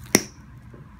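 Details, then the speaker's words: One sharp, crisp click in a quiet room as a nail cutter, slipped under a toenail lifted with a nail lifter, snips out part of the toenail during partial toenail removal. "that's a pretty good click all right we made the cut"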